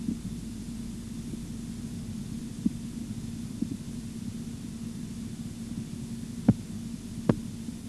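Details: Steady low hum with a few faint taps, then two sharper taps near the end: early Korotkoff sounds during auscultatory blood pressure measurement.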